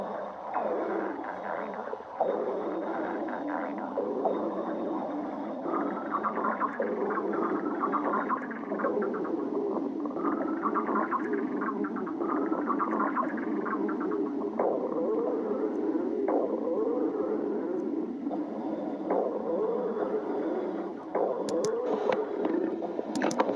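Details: Stomach growling in a badger: continuous gurgling and squeaky, whining rumbles from the belly.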